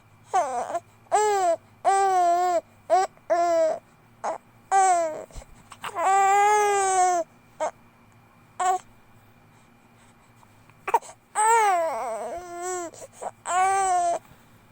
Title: #infant #hiccups 2 months baby sounds playing, crying